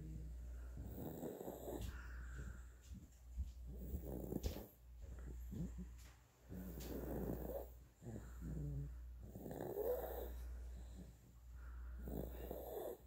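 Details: 9.5-month-old infant boy snoring and drooling while asleep: soft, rough, rhythmic breathing about every two seconds over a steady low hum; light snoring.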